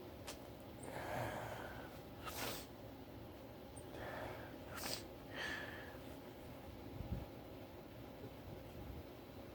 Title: sneezing fit